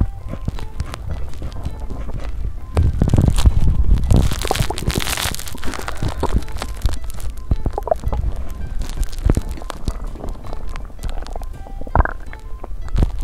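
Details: Active bowel sounds (stomach rumbling) heard through a held microphone after eating New Year foods such as mochi and ramen: low gurgles, rumbles and scattered pops, with background music.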